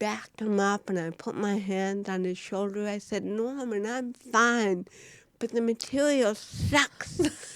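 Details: Woman (actress) with cerebral palsy, real, unacted speech in a studio interview; dysarthria (cerebral palsy).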